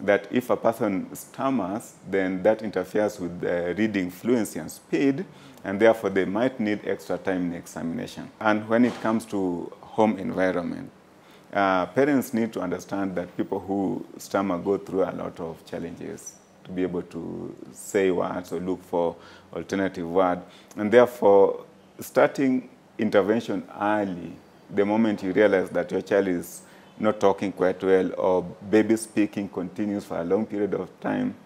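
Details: Adult male speaker; normal fluent speech.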